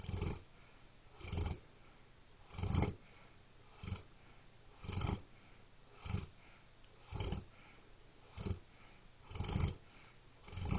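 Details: Deep, low rumbling snores repeating steadily, about ten breaths a minute, from a sleeping animal; snoring.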